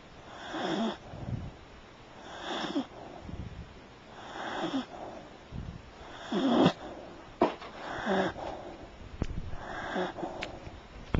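Rhythmic noisy breathing with a rough rattle on each breath, about six breaths in eleven seconds, with a few sharp clicks: snoring.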